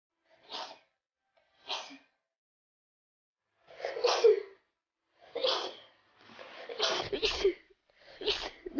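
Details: 15-year-old girl with uncontrollable sneezing for a week to ten days, referred on by hospitals that had not seen it before: six sneezes over about nine seconds, each a sharp burst after a brief intake, a paroxysmal repeated sneezing fit.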